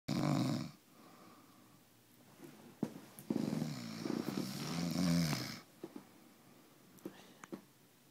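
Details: Loud, harsh, rattling snores with quieter breathing and small snorts between, from a man sleeping, a roommate; ordinary heavy snoring.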